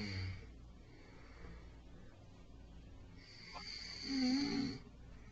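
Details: Adult man, a step-dad who denies snoring, asleep after falling asleep watching TV: two loud rough snores on inhaled breaths, the second longer and buzzing, over quiet room noise: snoring.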